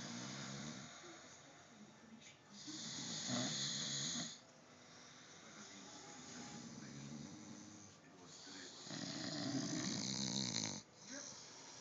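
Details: Loud, rough snoring breaths, about one every four to five seconds, with quieter breathing between them: snoring.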